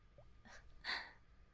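One quick, sharp, breathy intake of air, a gasp, in a quiet room.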